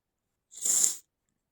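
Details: Stifled, induced sneezing, sometimes rapid: a single short, hissing, muffled burst of air from an adult, held back behind closed lips; stifled sneeze.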